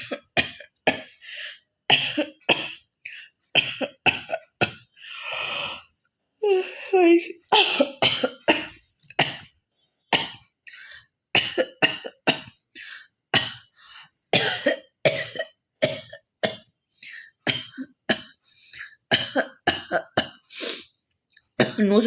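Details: Woman with a mild cough deliberately performing a hacking cough challenge; long run of rapid, forceful coughs and throat-clearing hacks, performed rather than natural.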